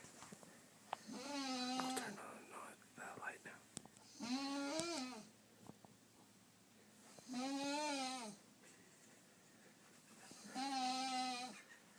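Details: Snoring from a person asleep while sick, a goose-like snore.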